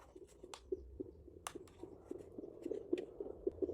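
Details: Home handheld fetal Doppler used with cream instead of gel by a seated pregnant woman, found after about 10 minutes of searching; fast rhythmic whooshing pulses with probe scraping: fetal heartbeat.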